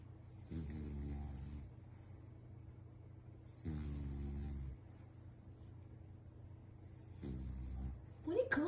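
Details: Snoring from a sleeping bulldog.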